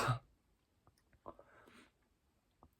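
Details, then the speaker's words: A cough from an adult podcast host who says coughing is rare for them and links it to adjusting their posture against a wall, with pressure on their spine. "it's rare for me to cough but also so much adjustment through my physical body and the way that I sit against this wall"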